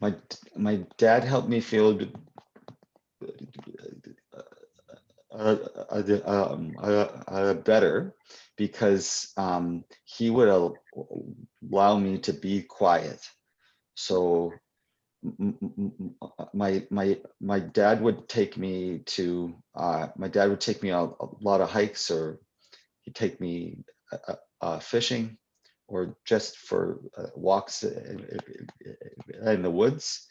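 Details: Adult poet and children's author who stutters, answering questions in a live Q&A at a 2021 convention; real, not acted; stuttering.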